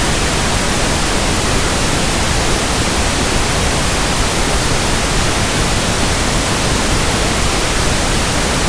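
Steady, even soft static of pink noise, a simulated sound for matching a persistent hiss-like tinnitus.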